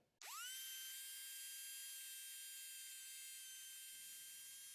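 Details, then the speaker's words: Dental drill in a narrated story (Finnish listening-practice story, Vietnamese narration): patient with toothache, left cheek and upper lip numbed, eyes closed; high-pitched whine rising quickly and holding steady about four seconds during tooth treatment. "Sau đó, công việc bắt đầu. Matti vẫn nhắm mắt. Cậu nghe thấy tiếng máy khoan"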